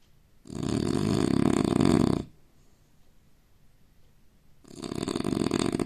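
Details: Loud, rough, rattling snoring inbreaths of an Indian man, about two seconds long, separated by quiet pauses; heavy snoring during sleep.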